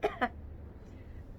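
Two quick, muffled voluntary coughs from an adult demonstrating covering the mouth, followed by quiet room noise.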